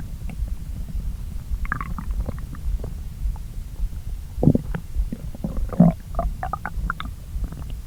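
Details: Stomach after a late brunch of pasta, eaten after a morning on an empty stomach. Low gurgling and bubbling rumbles with scattered squeaks over a steady low rumble; borborygmi of active digestion after a meal.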